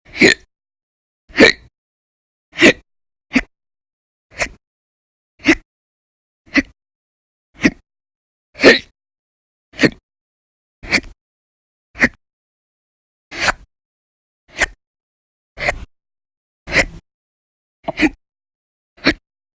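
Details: Audio-only recording of persistent hiccups over December 2019, described as violent and very loud; about 16 sharp, brief gulping bursts in 19 seconds at a fairly irregular rhythm.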